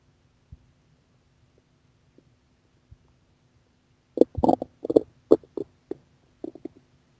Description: お腹の音です / 空腹時のお腹の音＞＜；